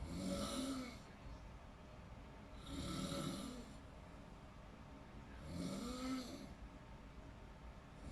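Rhythmic rattling snores on each breath in, about three in eight seconds, over a steady background hum.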